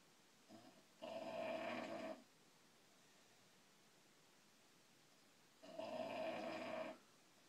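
Two snorting, rattling snores about a second long, roughly five seconds apart, with quiet between; snoring from a sleeping short-nosed dog.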